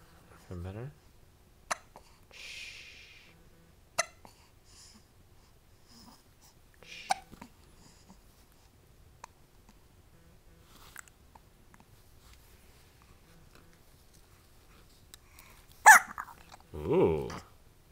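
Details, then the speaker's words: Baby with hiccups: short, sharp hiccup sounds every few seconds in a quiet room, with brief soft baby sounds in between. "How does it feel to have the hiccups, baby?"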